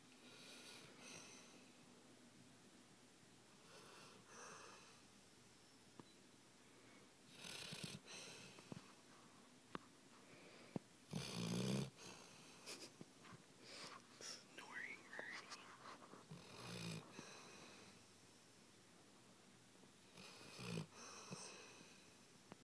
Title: snoring